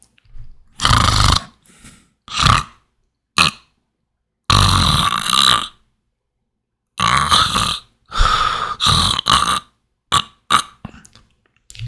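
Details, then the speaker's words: Simulated airway-management case: loud, irregular snoring bursts separated by silent pauses as the tongue intermittently obstructs breathing, unlike regular snoring; may be desaturating. Obstructive snoring. "Un ronquido es clásico, todos conocemos que es un sonido como el que voy a reproducir. Ese paciente puede que tenga saturación, pero sobre todo si esa lengua obstruye por ratos la respiración."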